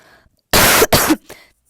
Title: кашляю вам в уши на протяжении 35 секунд